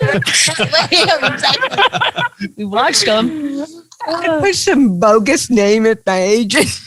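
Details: Adult woman comedian with cerebral palsy, real (not acted), retelling her first stand-up comedy routine; dysarthria (cerebral palsy).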